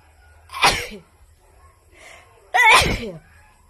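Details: Woman giving two sharp, forceful sneezes, each a sudden burst of noisy air with a brief voiced edge; sneezing.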